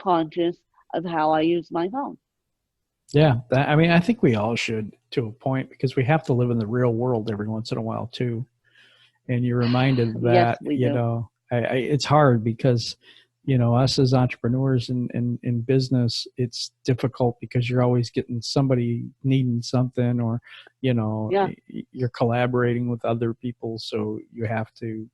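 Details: Adult male speaker; ordinary fluent speech.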